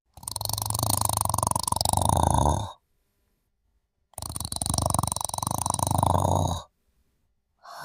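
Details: Woman sleeping and snoring: loud, long, rattling in-breaths of about two and a half seconds separated by silent pauses; heavy snoring.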